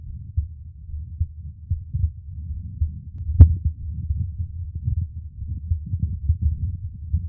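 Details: Adult man's own heartbeat recorded for ASMR relaxation: soft, low, regular thumps at about 75 beats a minute with one brief handling click; a normal heartbeat.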